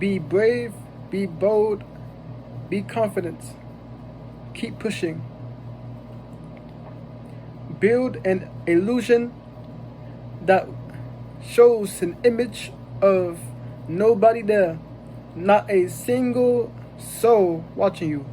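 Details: Stuttering in a young graduate of a youth stuttering program.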